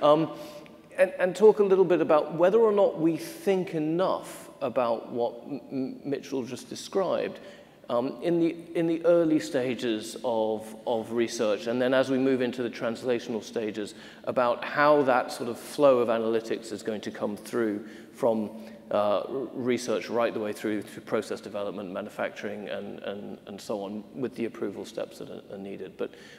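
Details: Adult male speaker; normal voice.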